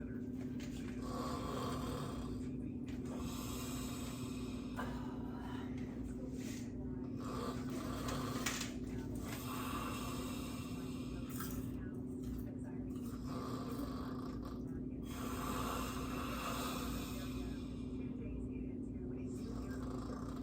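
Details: Staged comedic snoring: an actor playing a character who sleeps and snores loudly in a farcical scene; snoring over a steady hum and other sounds.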